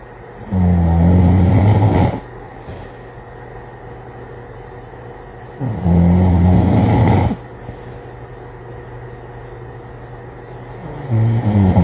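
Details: Loud, low rattling snores about every five seconds, each over a second long, with quiet breathing between, from a very tired father and son sleeping; ordinary snoring.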